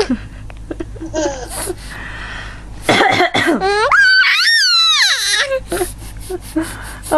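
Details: Short repeated coughs from a mother with a bad cough, with her baby's high-pitched squeals and laugh-like sounds in between, as the baby finds the coughing hilarious; quiet room.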